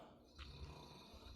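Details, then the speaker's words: A dog snoring in the background during a toy review, briefly noted by the woman recording. "Woman damn that dog snor can you hear that"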